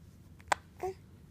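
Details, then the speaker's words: Young child with a single sharp, sudden hiccup followed by a brief voiced sound in a quiet room: hiccup. "how do you cope how do you cope with hiccups it just doesn't seem fair"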